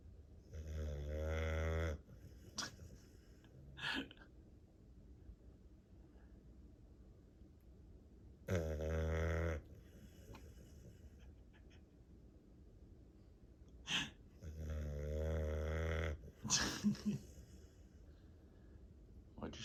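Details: Sleeping dog, worn out after a busy day, snoring loudly like a chainsaw: rattling inspiratory snores every six to seven seconds, about nine to ten a minute, with brief snorts between; snoring.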